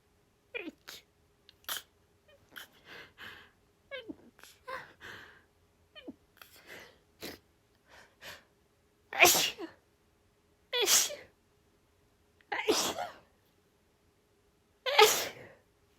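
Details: Woman's increasingly desperate, rapid sneezing fit: repeated sharp inward catches, breathy stifles, building into four forceful open, helpless sneezes.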